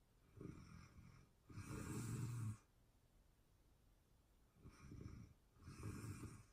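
Soft, low snores with a longer rattling breath in and a quieter breath out, repeating slowly; ordinary snoring during sleep.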